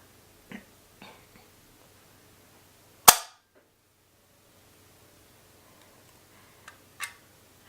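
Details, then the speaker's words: One sharp, loud spring-loaded snap amid soft handling clicks as a FreeStyle Libre glucose sensor applicator fires into a diabetic man's arm, the needle retracting into the applicator. "as you can see he just simply pushed it the loader itself I guess if it almost sounds like it's a spring of some sort right"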